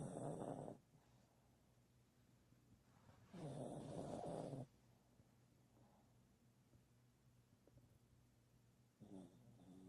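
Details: Dog sleeping, with soft snoring breaths every few seconds and quiet gaps between; dog snoring.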